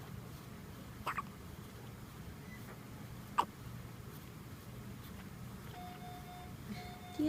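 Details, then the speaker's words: Two brief, sharp little catches about two seconds apart over a steady low room hum, from a baby girl with hiccups. Hiccups. "you have the hiccups? Do you have the hiccups?"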